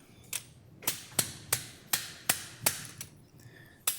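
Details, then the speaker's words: Prone transpsoas (PTP) spinal surgery: seven sharp metallic strikes in about four seconds, irregularly spaced, from a slap hammer applying downward pressure on the retractor. "slap Hammer downward pressure on the retractor"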